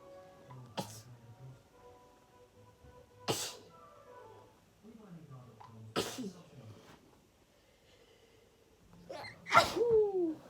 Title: Sneezing A lot